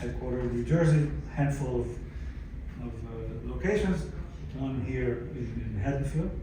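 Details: Aphasia in a 62-year-old man, acquired after a stroke in December 2011 following cardiac ablation for arrhythmia; in speech therapy at an aphasia center.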